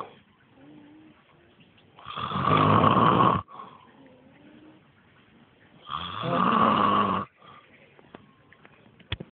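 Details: Adult man (father) sleeping on a trampoline: two loud, harsh, rattling snores about four seconds apart with quiet breathing between; terrible snoring.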